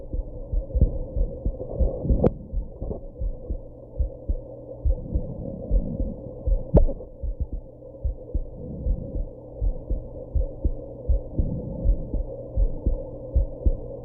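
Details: Steady low heartbeat thumps over a constant hum after drinking some alcohol and smoking, with two sharp isolated hiccup clicks; heartbeat with hiccups.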